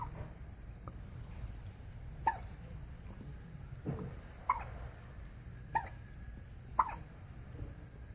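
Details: Infant twins alternating hiccups: four short, sharp hiccup sounds at irregular intervals over about eight seconds, with quiet room noise between them.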